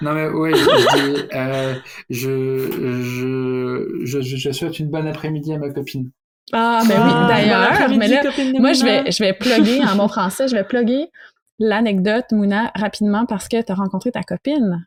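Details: Adult man who stutters, speaking French; stuttering.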